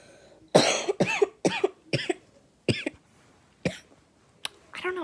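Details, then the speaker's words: A child gives about eight short, voiced coughs in quick bursts with brief pauses in a quiet room; a random cough that recurs every day at school; repeated dry cough. "don't know. I have that random cough. Comment down below if you know why I keep coughing."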